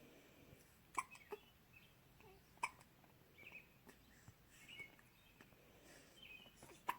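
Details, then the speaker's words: Twin infants hiccuping at the same time: soft, brief, irregular hiccups, about three dozen a minute, over faint room noise; the mother says they also hiccuped together in the womb. Infant hiccups. "I think if they keep it up long enough, they can probably actually get those in sync, too. Too funny. They did that when they were in my belly, too. They'd both get hiccups at the same time."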